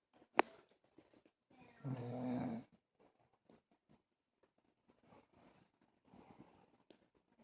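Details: Snoring in sleep: one loud, rough snore on an in-breath, followed by quieter breathing in a small room.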